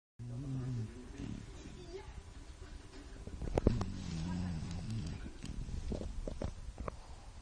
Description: Lola the shar pei is snoring again, this time with her head on her dad's pillow!